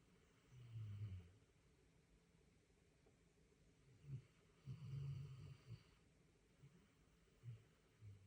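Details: Deep, rumbling snores in irregular bursts, about 15 a minute, with quiet gaps between them.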